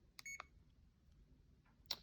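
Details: A few short high electronic beeps and key clicks in a quiet room from a CADD infusion pump keypad in PCA mode, switching to manual programming before choosing units, in a morphine or midazolam cassette setup tutorial.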